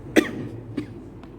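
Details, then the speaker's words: Adult speaker with a hoarse voice during a spoken lecture: one sharp cough, a softer second cough and a brief throat clearing. "Maaf ini suaranya enggak serak batuk."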